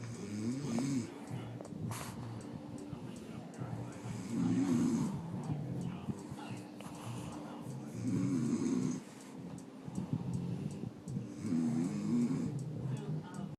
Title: Sleeping/snoring pug